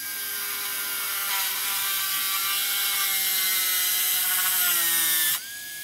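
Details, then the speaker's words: Trepanation at the cingulum of an upper canine for a class I pit cavity: a round bur on a contra-angle handpiece, angled 45° to the tooth axis. A steady high-pitched dental drill whine drops in pitch under load, then stops abruptly. "Donc, avec une fraise boule montée sur contre-angle, j'oriente ma fraise comme ceci. 45 degrés par rapport à l'axe de la dent."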